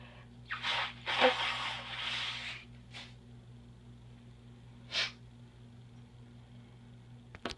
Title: 10/13 lost sneeze and honking nose blow